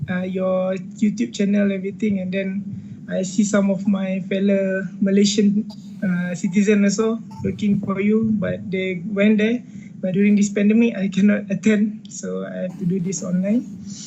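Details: 29-year-old man with a persistently high-pitched voice since puberty, recorded before voice therapy; puberphonia.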